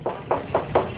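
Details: Finger percussion of the abdomen: four hollow, resonant taps indicating air beneath the examining hand, a resonant percussion note.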